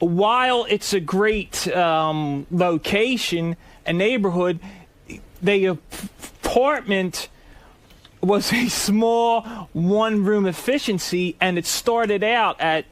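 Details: Adult man with a stutter, described as a speech impediment, speaking as a radio show guest; stuttering.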